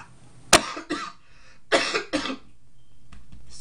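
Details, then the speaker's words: Speaker who says they still have congestion: two short, harsh coughs with a throat clear between them, then quiet; a loose cough. "excuse me I'm still have problems with congestion so if I cough I'm sorry"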